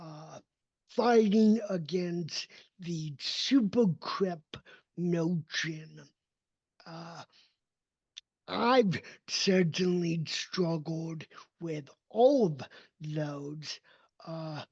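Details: Dysarthria in an adult man with cerebral palsy, a neurodevelopmental disability affecting his motor development and movement.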